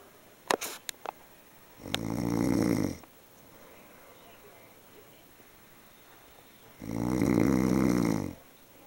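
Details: Snoring during sleep: a few brief clicks, then two loud, buzzing snores about five seconds apart.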